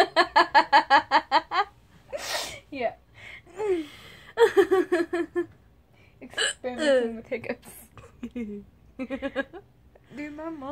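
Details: A girl hiccups while laughing: rapid bursts of laughter broken by sudden, short catches of the voice.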